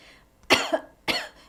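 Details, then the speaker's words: Two sharp, forceful voluntary coughs demonstrated in a Parkinson's speech and swallowing exercise session, showing the protective cough: vocal folds close fully to expel food, liquid or saliva going down the wrong way. "so you want them to be strong so that when you cough you're able they close all the way and you're able to kick out whatever is trying to go down the wrong way"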